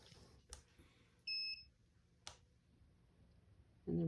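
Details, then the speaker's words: Device power-on beep, a single short high electronic beep between faint clicks in a quiet room, as a cold laser therapy device switches on at the low setting for one-minute treatment of acupoints 7 and 3 on the inside of the leg. "i'm gonna be turning this on"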